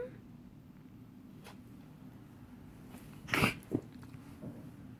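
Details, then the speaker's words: A pet gives one sharp, explosive cough followed by a smaller second burst against quiet room hum. "You okay, Betty? Do you have to cough?"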